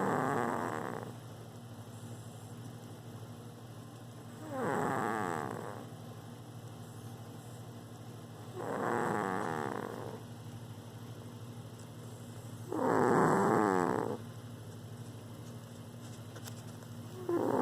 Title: Cuchulainn's loud snoring.